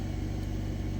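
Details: Yuwell 9F-5AW oxygen concentrator, about three years old, with refilled lithium molecular sieve beds, running at 5 LPM maximum flow with 95.6% oxygen purity: a steady low motor hum with a constant rumble.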